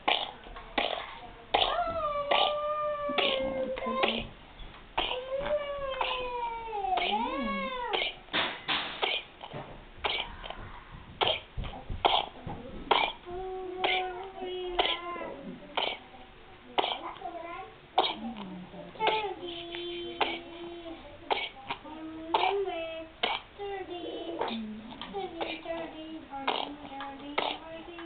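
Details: Two-month-old infant with pertussis, not yet vaccinated: repeated runs of short, rapid coughs broken by strained, high-pitched crying gasps, a whooping cough fit.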